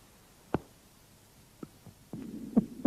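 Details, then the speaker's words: At the cardiac apex, loud snapping first heart sound, second sound, early opening snap of the mitral valve, then low diastolic rumble from flow through the narrowed left atrioventricular orifice: mitral stenosis. "при митральном стенозе на верхушке слышал хлопающие первый тон щелчок открытие митрального клапана и диастолический шум шум возникает в результате затруднение долго крови через суженное левое atrovent регулярное отверстие"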